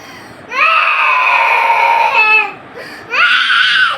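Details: A young child cries in long, loud, tonal wails with short pauses in a small room at 9:30 at night, wanting to be taken to a house.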